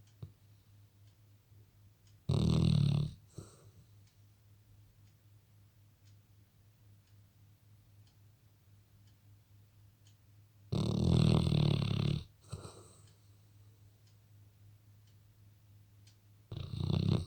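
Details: Two loud, rough snoring breaths about eight seconds apart, a third starting at the end, separated by quiet pauses, from a Labrador dog; snoring.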